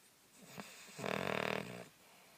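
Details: A sleeping hound dog takes a soft breath, then gives a single fluttering, vibrating snore of under a second: snoring.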